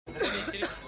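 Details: Cough in a public-awareness COVID-19 dramatization; the patient visits a doctor reporting cough and fever.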